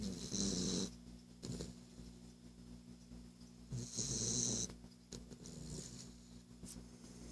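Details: Two loud, snorting, rattling snores about four seconds apart with quieter breaths between, from Baxter, a sleeping Boston (small flat-faced dog): snoring.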